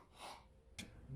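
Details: Acted sneeze in a comedy skit: a quick breathy intake, then one sharp, explosive burst of air.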